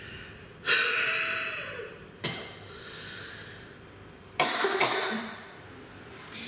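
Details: Long, breathy, open-mouthed forced breaths out, one with a brief sharper burst: huffs demonstrated by a physiotherapist in an Active Cycle of Breathing Technique airway clearance cycle to mobilise sputum.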